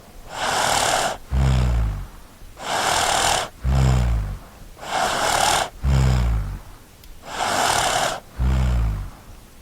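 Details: Snoring child sound effect: rhythmic snoring at about 25 breaths a minute, each cycle pairing an airy hiss with a low, rattling snore, repeating four times.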